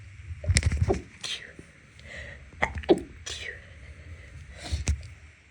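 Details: Stifled sneezes after cleaning, with nose irritated by dust and cleaning products (no known allergy to either): a run of several short, muffled sneezes held back with closed mouth.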